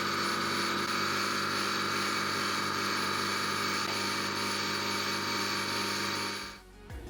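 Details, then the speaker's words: Elmaslar Lifetime SA03PT portable suction machine running after being switched on; quiet operation under 50 dB, suction adjustable up to 640 mmHg, flow up to 30 L/min. "กดSwitchonOffเพื่อเปิดการใช้งานเครื่องเครื่องทำงานเบาเสียงรบกวนน้อยไม่เกิน50เดซิเบล"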